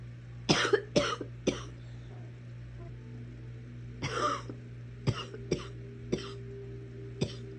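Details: Coughing while watching Netflix: about eight short, dry coughs in clusters over several seconds against a steady background hum.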